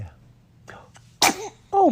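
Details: Baby sneeze: a quick high-pitched infant sneeze with a sharp burst, followed by a brief baby vocalization; normal.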